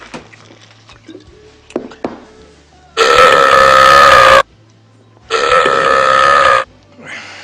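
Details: Acted film scene from Dumb and Dumber, an actor burping: two long, loud, drawn-out belches over quiet room sound and faint music.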